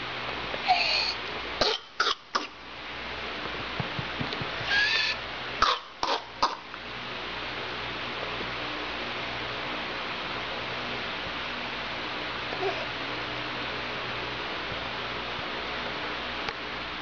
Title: Whooping Cough.flv